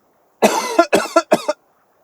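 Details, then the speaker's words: A single cough, likened to an old man's cough. "one that's a pretty good cough you know I can picture an old man you know you know you know I think it's a pretty good one"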